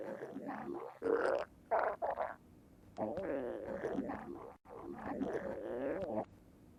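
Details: Stomach growling (borborygmi): several bursts of gurgling, warbling rumbles with wavering pitch and brief quiet gaps.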